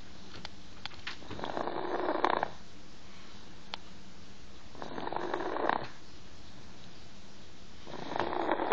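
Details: Snoring in a sleeping baby girl: soft, rhythmic snores about every three seconds in a quiet room.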